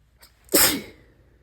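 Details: One sharp, wet, explosive sneeze after a faint catch of breath, fading quickly, part of a sneezing fit that left snot everywhere; cause unknown.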